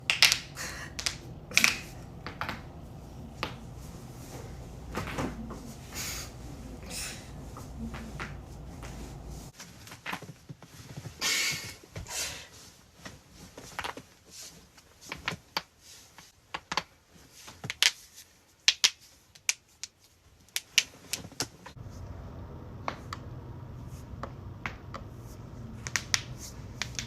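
Sharp, scattered pops and clicks from joints cracking, a common and usually harmless sound, against low room noise.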